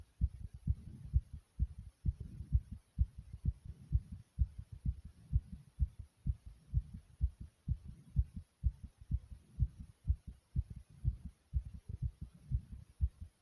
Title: My Heart Pounding Loud